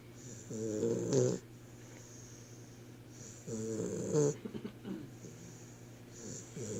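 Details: Sleeper snoring in a quiet room: slow, rattling snores about one every three seconds, with a whistling note between them; ordinary snoring.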